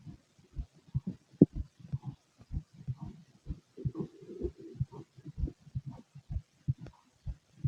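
Soft, low, repeated thumps of a heartbeat with some rumbling and background noise mixed in.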